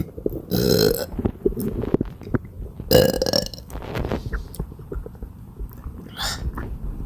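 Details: Non-stop belching with bad bloating: several loud, drawn-out belches with quieter throat noises between them.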